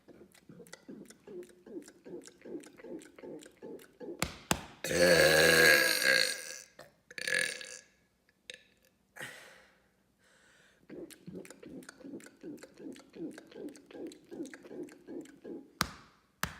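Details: A long, loud, deliberate belch in the middle, with rhythmic background noise before and after; deliberate burping.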